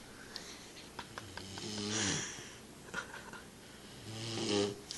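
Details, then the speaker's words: Sleeping puppy: two long, buzzing, rattly snores on the in-breath with quiet breathing between; snoring. "That's my dog, Kato, snoring. Sleep me next to my daughter."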